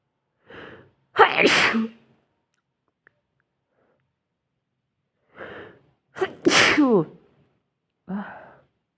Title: sneezing in the bed